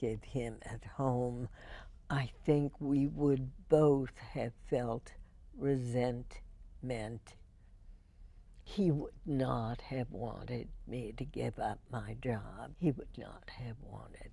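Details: Spasmodic dysphonia in an adult woman, diagnosed 1998, treated every four months with botulinum toxin injections into the vocal cords; spasmodic dysphonia.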